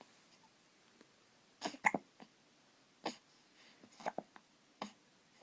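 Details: Baby with hiccups: several brief, sharp, quiet hiccup bursts at irregular intervals in a quiet room.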